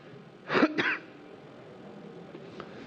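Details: Two quick coughs in close succession, then quiet room noise, from a judge reading aloud in a courtroom during a murder trial.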